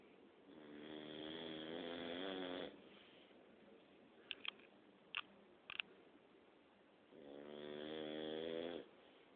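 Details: A dog snoring at night: two long, rattling snores on the in-breath about six seconds apart, with quiet breathing and a few small clicks between them.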